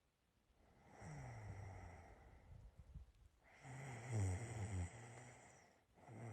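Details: Person's own snoring during sleep: low rattling snores with soft breaths between, about two snoring breaths in six seconds, over faint steady room hum.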